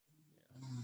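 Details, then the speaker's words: Adult woman asleep on a chair during a podcast recording: brief low rumbling snort building to a louder rough noise on an in-breath; snoring. "By the way, listeners, y'all hearing that snoring, right? Can y'all hear the snoring?"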